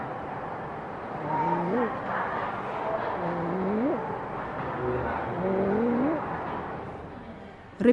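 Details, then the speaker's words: A child makes three harsh, rising, crowing noises, each on a breath in: inspiratory stridor from a narrowed upper airway. "en stricte d'or est un bruit rauque qui se produit lorsque l'enfant inspire il fait ce bruit"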